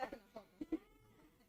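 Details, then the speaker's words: Child in the paroxysmal phase of pertussis (whooping cough): two short cough bursts then a loud, high, wavering inspiratory whoop. "Luego pasamos a la fase paroxismal en el paciente. Esta fase paroxismal por ahí estamos escuchando, no dura aproximadamente una a dos meses sino ahí de tipo quintosa con exterior inspiratorio y conan."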